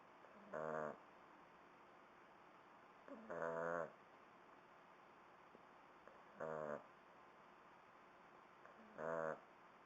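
Soft, short, buzzy snorts on breaths, roughly every three seconds, over steady room hiss; gentle puppy snoring.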